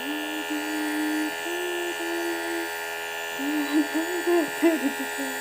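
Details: Inhalation treatment for a coughing 10-month-old baby: steady mechanical hum and buzz of a running nebulizer, with the small child's voice over it.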